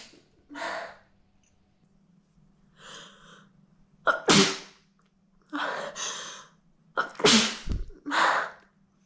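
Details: Several sharp sneezes from an adult with softer breathy build-ups between them, over a faint steady hum; deliberate sneezing onto a CD to see how dirty it gets.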